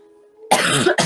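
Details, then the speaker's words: Girl's coughing fit during a card reading: a faint hum, then one loud, harsh cough burst with a brief second burst, amid repeated coughing and throat clearing. "Sorry, just hang on while I slowly die over here."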